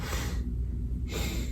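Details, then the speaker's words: Student nurse head-to-toe assessment: the patient closes each nostril in turn and blows, giving two short, similar nasal airflow bursts; both nares equally patent. "And then can you close each of your nostrils and blow?"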